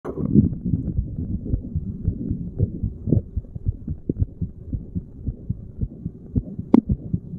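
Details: Steady resting heartbeat of a person sitting, recorded at a random chest spot, regular paired thumps roughly 70–80 a minute with some chest-piece rubbing noise; normal heart sounds.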